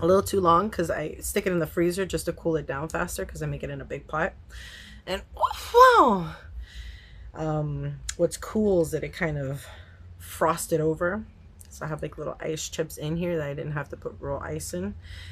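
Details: Adult woman with Tourette syndrome whose tics are still flaring and hard to control on camera; a vocal tic interjection is heard mid-sentence. Vocal tic (Tourette syndrome).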